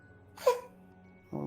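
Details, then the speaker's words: A harsh, squeaky cough-like burst from the owner's male pet cat, heard during a live-streamed game; others first mistook it for someone laughing. Quiet room hum and background music. "one sec, my kitty has a cough. Oh, I thought. Oh, Yeah, I was like, what's that noise?"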